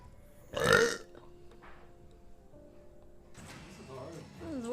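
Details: Adult woman on a livestream: one short, loud voiced belch, then quiet room noise with faint music and game sounds; a single burp.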